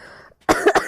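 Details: Female gamer with a cold who says she is coughing a lot, during a live game stream: a short run of two or three harsh coughs after quiet talk.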